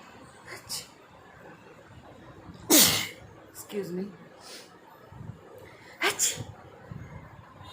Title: Reaction on real and fake sneezing 🤧🤣🤣🤣 she knows when I act 😅🤣 n smile on it❤️😘